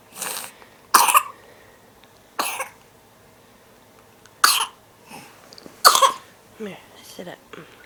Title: Bad Cough :-(